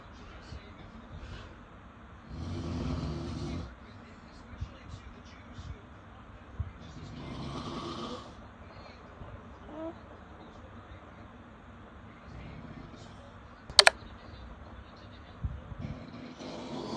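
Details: Snoring at 3am, tagged baby: irregular soft rasping snores, a few breaths spaced several seconds apart, with faint room noise and a sharp click; ordinary snoring.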